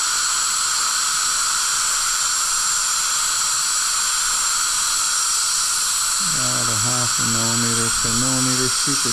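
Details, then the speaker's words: Steady high-pitched whine of a high-speed dental handpiece finalising occlusal depth and margin on upper right molar (tooth #3) crown preparation, with a voice joining near the end. "Already got a depth cut on the accusal. We're going to finalize that. Bring our margin around. Bring it within half a millimeter."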